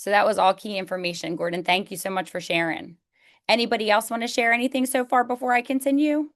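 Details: Adult woman; normal speech.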